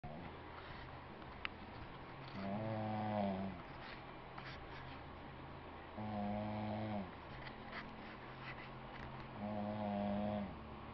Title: woman snoring